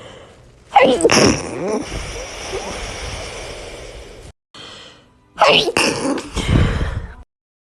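Two loud sneezes, each with a sharp indrawn breath and then an explosive burst, with some outdoor background noise.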